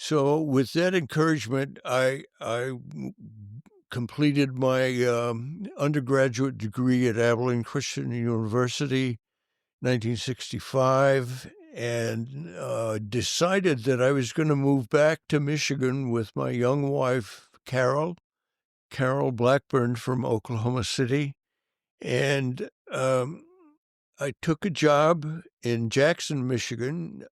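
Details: Adult male band director whose stuttering was severe from youth and stayed severe for many years, and who says he still stutters; stuttering.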